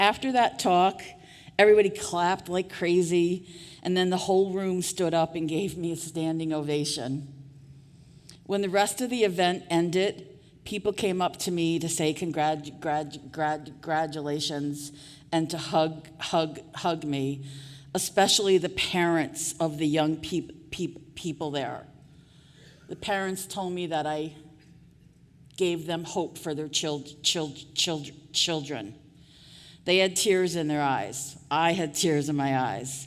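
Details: Adult woman who stutters, formerly a covert stutterer for years; repetitions of sounds, words and phrases heard; stuttering.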